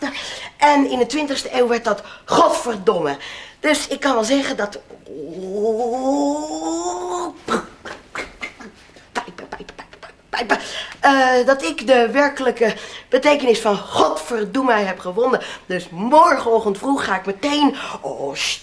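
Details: Adult male speaker, acted comedy sketch; Vocal tics with coprolalia (Tourette syndrome), acted.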